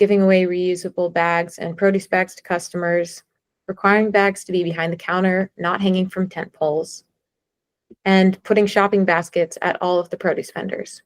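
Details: Adult woman speaking; typical voice.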